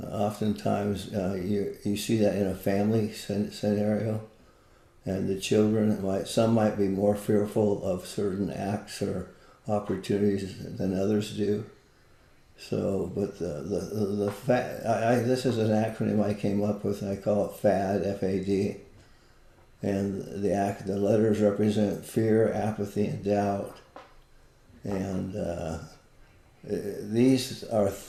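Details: Parkinson's disease, a neurodegenerative disease, in an adult man living with it for more than 20 years, with visible shakes; Parkinson's disease speech.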